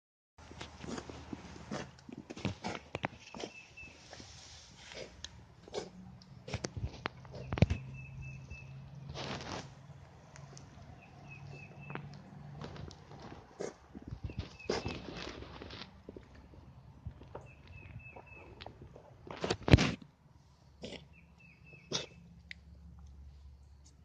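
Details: 12+ year old tomcat coughing for 4–5 weeks, often after eating, recently a little sluggish: a coughing fit of short, dry hacking bursts over quiet room and outdoor background noise.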